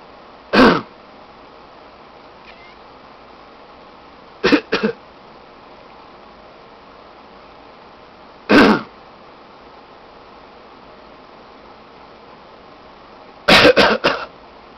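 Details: Short, dry, deliberate voluntary coughs from a person in four spaced groups, with a pet cat meowing in response to each cough.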